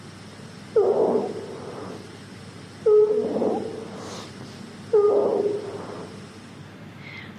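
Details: Wheeze heard on chest auscultation with a stethoscope, respiratory examination teaching example; wheeze.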